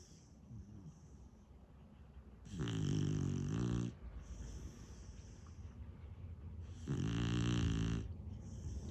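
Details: Sleeping beagle in a home office: two long, low, rattling snores on the in-breath, with soft hissing breaths out between; snoring.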